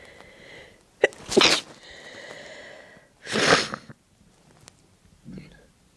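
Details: Sneezes induced with the clothes tag method, leaving a tickly nose afterwards: two strong, wet, explosive sneezes with a brief sniffly breath between; ordinary sneezing.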